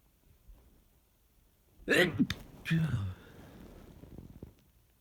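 A forceful sneeze with a sharp explosive burst and a short follow-on, then quiet breathing in a still room.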